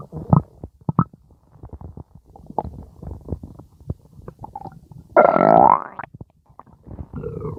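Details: Irregular gurgles, squelches and pops with a longer rising rumble near the end: ordinary stomach growling (borborygmi).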